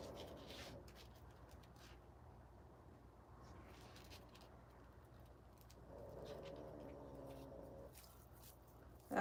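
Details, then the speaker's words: Sleeping pug: faint, rough snoring with two drawn-out noisy breaths against quiet room noise; snoring. "Okay. So, can you hear the dog snoring? When I'm doing the tutorials, a lot of times I I can't really edit it out, so I just um I just leave it and I hope that people don't think it's my husband on the couch story."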